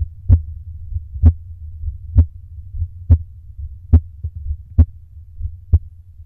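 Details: Steady, soft, low heart thumps at about 64 beats a minute during exhale breath holds done to slow the heart; heartbeat during breath holding.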